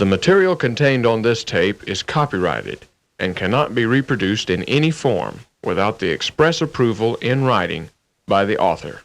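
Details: Adult male speaker; typical speech.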